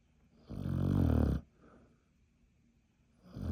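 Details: Sleeping beagle: a loud, low, rumbling snore on the in-breath, then quiet breathing before the next snore begins; snoring.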